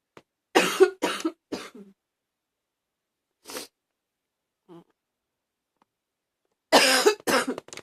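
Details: Harsh, slightly barky, brassy coughs in groups: a run of three, a softer single cough, then another brief flurry; a little barking cough.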